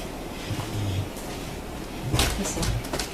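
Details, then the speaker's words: A weaned Great Dane puppy from a litter of 12, born 4/8/23, sleeping and snoring: two low, rumbling snore-like breaths over faint background noise. "Poppins just snoring I've heard other snoring too I've heard L snoring"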